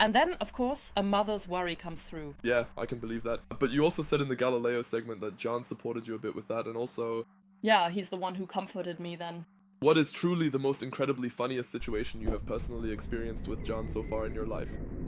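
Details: Adult speakers in conversation; no disorder.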